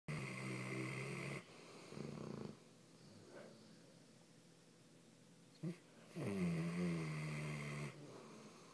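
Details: Two sleepers snoring in sync: long, loud buzzing snores alternating with quieter breaths, with a deep drawn-out snore near the end.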